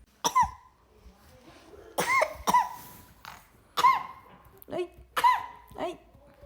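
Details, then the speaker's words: A baby with a recurrent cough that does not come every day but always sounds the same, for which a pediatrician visit is planned: about six short, sharp coughs, several with a squeaky, voiced edge, in a quiet room. "Ay la tos no viene todos los días pero siempre suena igual"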